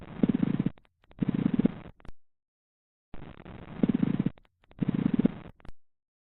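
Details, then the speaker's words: Lung auscultation training exercise: two breaths, each with a rough, creaky grating in both inspiration and expiration, a pleural friction rub. "Resposta: Atrito pleural."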